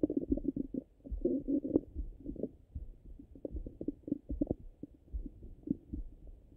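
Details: Stomach sounds recorded through a stethoscope: soft gurgles and brief bubbling clicks; ordinary bowel sounds.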